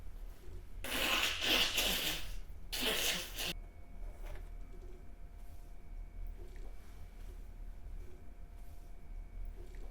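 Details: A pair of sneezes from a model: two loud, explosive bursts of breath noise in quick succession, then a quiet room with faint hum.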